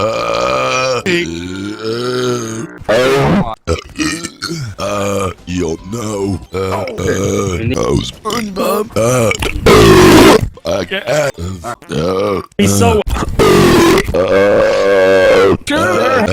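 A run of loud, long, deliberate voiced belches in quick succession, some drawn out for over a second.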